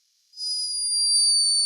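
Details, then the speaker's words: Sleeping hummingbird recorded in Peru: a thin, steady, very high-pitched whistling tone, an unmistakable snore during its nightly rest. "but unmistakable snore hummingbirds are loved for their beauty and speed but this one was behaving a little bit like a human"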